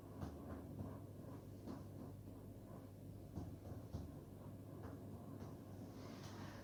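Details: Percussion note change from resonant to dull at the upper liver border.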